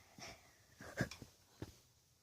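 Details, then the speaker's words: Female dog sneezing repeatedly: a few short, sharp nasal bursts and snorts. "She needs to sneeze. She sneezed like 15 times."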